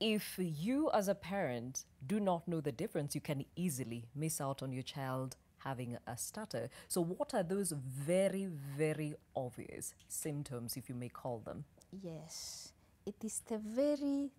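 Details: Adult woman speaking, possibly with a second speaker replying; normal fluent speech.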